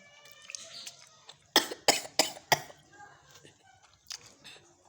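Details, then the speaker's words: Adult woman's coughing fit after eating homemade chicken-vegetable risol (wrapper dough made with 4 tablespoons oil) that left her throat very hoarse: four harsh, dry coughs in quick succession, then a softer cough after a pause, faint background music. "Percaya enggak? Setelah makan risol ayam sayur ini aku langsung batuk-batuk,"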